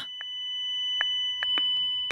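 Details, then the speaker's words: ZOLL AED Plus defibrillator announces a shock is advised, warns not to touch the patient and to press the flashing shock button: steady high-pitched electronic alert tone with short clicks, AED shock alert tone. "Iskua suositellaan. Se varoittaa sitten koskemasta potilaaseen ja painamaan vilkkuvaa iskupainiketta."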